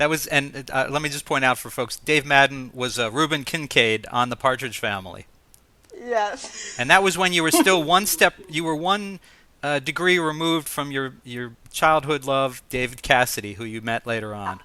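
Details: Adult male host speaking; typical speech.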